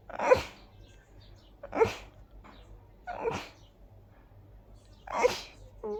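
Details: Sneezing fit from high pollen count combined with dust allergy: four forceful sneezes in quick succession, about every one and a half seconds, with faint room hum.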